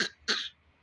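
Two quick, light cough bursts from an infant, deliberately faked for play rather than from illness.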